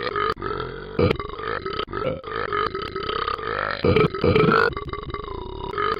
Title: burps